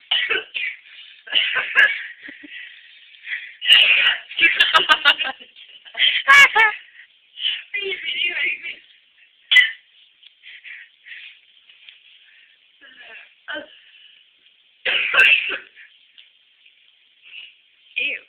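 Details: A child's coughing fit: repeated sharp cough bursts and clusters, recorded thin and tinny in a small room.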